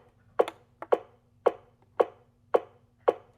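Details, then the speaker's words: Regular sharp clicks at about 110 a minute from a portable AED trainer's voice-prompt device, pacing chest compressions during simulated CPR after a simulated defibrillation. "It gives you the heartbeat at the rhythm you're supposed to give your chest compressions. That's insane."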